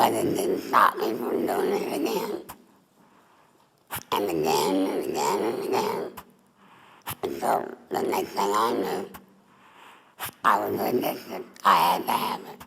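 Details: Adult woman, former smoker, larynx removed for laryngeal cancer, with neck stoma. Alaryngeal speech after total laryngectomy.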